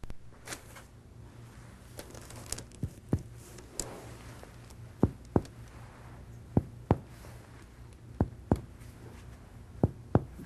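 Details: Resonant percussion note over the anterior chest of a healthy patient lying supine and breathing normally, during a demonstration of a normal thorax examination.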